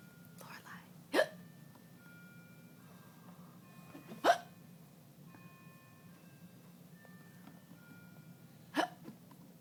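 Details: Three sharp, abrupt hiccups spaced a few seconds apart, about 19 a minute, in a quiet room with faint background tones: hiccups.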